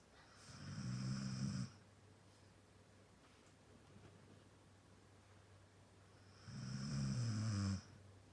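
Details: Sleeping Husky dog giving two long, low, rattling snores about six seconds apart with quiet breathing between; ordinary snoring.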